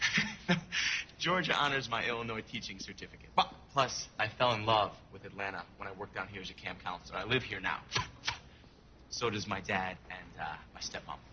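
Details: Vocal tics of Tourette syndrome, present since childhood, in an acted feature-film scene of a male job applicant at a teaching interview.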